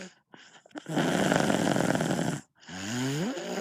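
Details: Child snoring at night: a long, loud, rattling snore on breathing in, then a rising whistly sound on the next breath.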